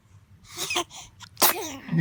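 A young infant gives two quick sneezes in a row, the second sharper and followed by a brief small vocal sound.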